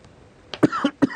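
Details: Adult man, just released from coronavirus quarantine and reportedly tested negative twice, gives a quick run of about three short coughing bursts during a TV interview: cough.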